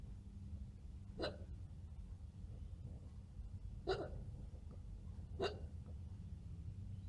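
Three short, sharp hiccup sounds at uneven intervals over a low room hum; they may be faked.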